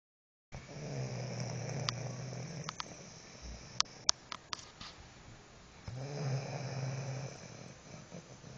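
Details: Two long, low, rumbling snores several seconds apart, with light clicks and shuffling between them; snoring.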